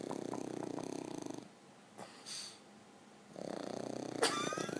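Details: Rough, fluttering snore-like breathing in bursts with quieter pauses and a faint squeak from an awake dog that the owner says always snores; snoring sound while awake.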